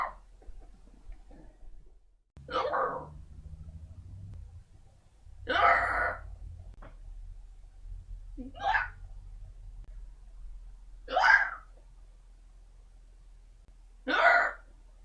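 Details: Unusually odd-sounding hiccups in an adult woman, said to be real, not faked: five short, abrupt, somewhat irregular voiced catches at roughly 20 a minute in a quiet room.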